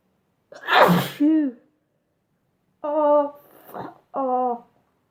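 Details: Two sneezes in quick succession, each a sharp noisy burst with a voiced release, a quiet sniff between; sneezing from a sneezing compilation.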